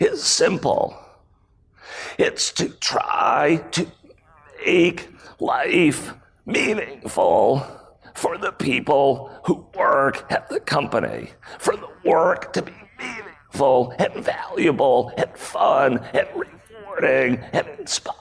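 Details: Adult male with spasmodic dysphonia, a rare voice disorder acquired in 2010; throat muscles spasm and contract when he talks, sometimes making speaking difficult; real speech from a keynote talk.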